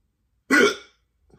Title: Hiccups / hoquet